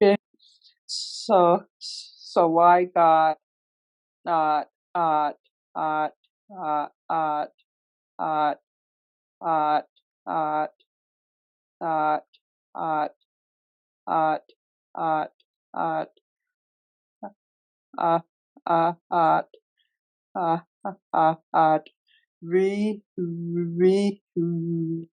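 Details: Real, self-identified stuttering in a male webinar moderator who stutters, leading a workplace panel of people who stutter; finding: stuttering.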